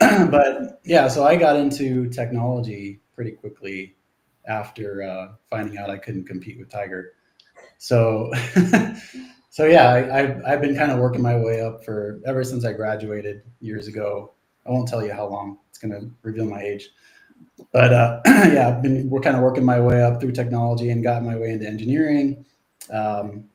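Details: Adult man; normal speech.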